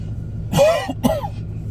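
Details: Two deliberate, voiced coughs in quick succession from an adult man in a car, acted as a prank rather than an illness cough, over low car noise; voluntary cough.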